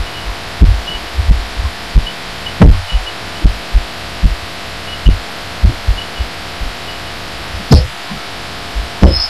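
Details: Own heartbeat felt through a pillow while lying down, audio amplified: muffled low thumps with uneven spacing and occasional louder knocks, getting odder toward the end; the recorder wonders if it is arrhythmia.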